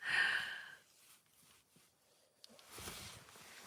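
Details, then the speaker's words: A sleeping dog snoring loudly: a whistling snort-like breath, then a softer rasping breath after a pause. "What's that noise? It's my dog snoring. My dog is snoring."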